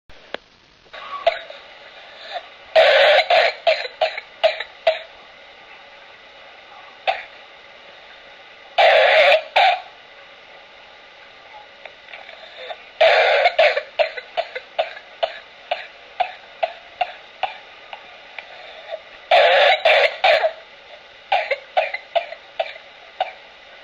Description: Whooping cough without the 'whoop" in an infant